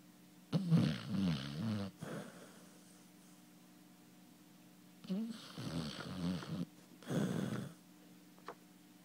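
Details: Snoring hound: loud rattling, fluttering snores on in-breaths, about three in nine seconds, with quiet pauses between them.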